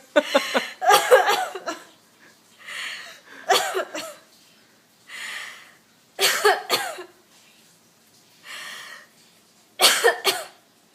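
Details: A mother gives about five sharp, harsh cough bouts with softer breathy sounds in the pauses, while her 3-month-old baby laughs.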